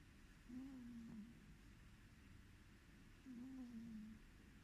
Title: SNORING CAT SOUND VOLUME UP